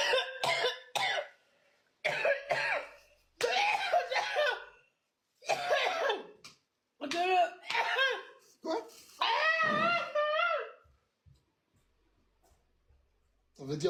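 Repeated short harsh coughs mixed with strained voiced sounds, in a quiet room; coughing fit from irritation after spicy food.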